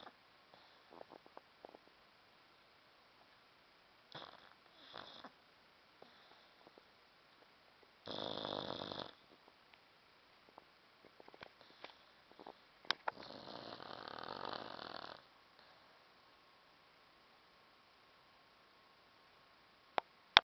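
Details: Sleeping dog snoring: intermittent soft, raspy snoring breaths with snuffles and clicks in a quiet room.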